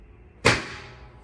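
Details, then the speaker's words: Chiropractic drop-table adjustment of a woman 37 weeks pregnant with slight sciatica, her last visit before induction: a single sharp snapping thud as the padded drop section releases. "We're just going to drop here. It's going to make a noise, so the baby might start moving."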